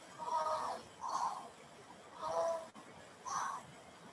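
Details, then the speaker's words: Imitated wheezing demonstrating what an asthma patient sounds like when struggling to breathe. Four noisy, tonal breaths, two in and two out. Wheezing (imitation). "You can always tell if a person is wheezing. If you see them trying to breathe, but every breath in and out, you hear loud sounds like this."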